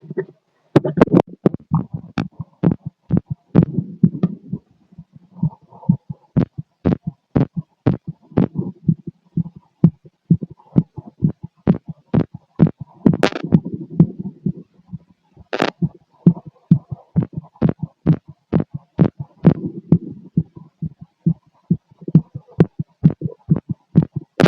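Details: Rapid male heartbeat, about 130 a minute, heard through a stethoscope on the chest: fast, sharp thumps with low rumbling between beats.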